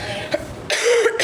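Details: Child with a severe cough: a short harsh cough burst over background noise; cough.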